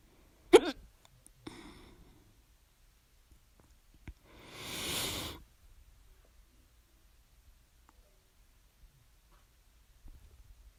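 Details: Loud second bout of hiccups, starting at 11:24 PM and persisting despite drinking water and breath-holding: a sharp gulping hiccup, then a softer catch and a long breathy exhale in a quiet room.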